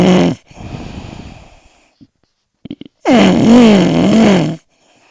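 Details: Man snoring, recorded at Rucar: loud, rough, rattling breath noises with a droning, wavering tone on the longest one; snoring.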